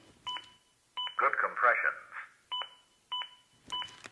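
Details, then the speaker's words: Repeated double-tone beeps with brief muffled voice from a ZOLL AED Plus during a CPR demonstration; an adaptive metronome that monitors compressions and pushes the rate to at least 100 per minute. "the beeps act as an adaptive metronome that monitors my compressions and tries to speed them up to at least 100 per minute"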